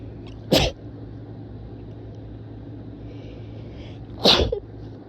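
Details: Two sharp, explosive sneezes several seconds apart over a steady room hum, described as rapid and powerful; sneezing.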